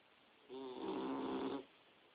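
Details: Boxer puppy about 4–5 months old napping in bed: one drawn-out, low, rattling breath sound over quiet room noise; snoring.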